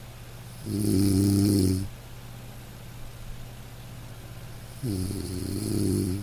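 Two loud, low rattling snores on breathing in, separated by quiet pauses, with a faint steady hum in the room; typical sleep snoring.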